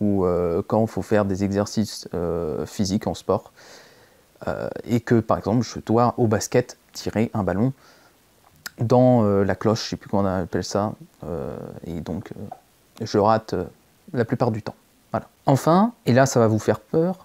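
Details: Stuttering in a French-speaking male, onset around age 4, treated by a speech therapist, recently returned strongly with speech blocks.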